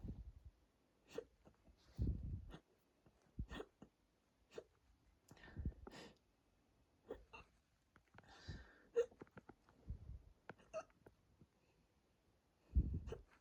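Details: Hiccups induced by drinking a lot of water, with a bloated, tight stomach, recorded from a stomach view; they are starting to hurt the chest and throat. Irregular, sudden low thumps and gulps between quiet stretches, about 16 a minute.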